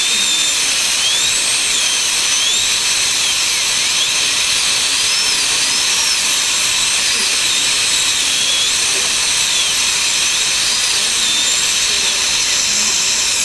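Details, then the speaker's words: High-pitched whining drill with wavering pitch and constant spray hiss, water cooling used, opening a crowned front tooth with a dead nerve and jaw-bone abscess for root canal treatment; dental drill with water spray. "now this may or may not work for us only and we use a lot of water in this procedure so we'll do our best to keep it dry"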